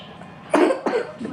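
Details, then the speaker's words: Two short cough bursts from a young girl ill with fever and a red throat, coughing non-stop, on prescribed medicine; cough. "Nah itu dari situ dia batuknya terus-terusan tuh guys, non-stop sampai sekarang tuh."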